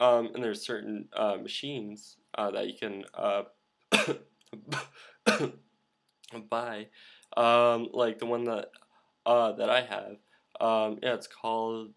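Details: Male speaker who stutters and uses a Fluency Master device; blocks and 'uh' fillers; stuttering.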